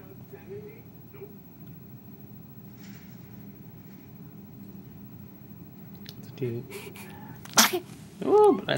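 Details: Infant, one of his first sneezes: quiet room, then two sharp explosive sneezes close together near the end, followed by a brief voiced sound.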